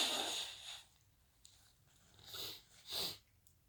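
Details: Person with a bit of the sniffles: a hissing burst, then two shorter sharp sneezes with a sniffle between them.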